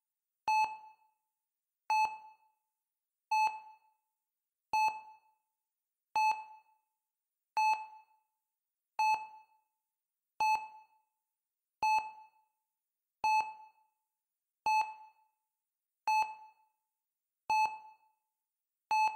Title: Sleep to the Beat: Calming Heart Rate Monitor Beep Sounds for a Peaceful Night's Rest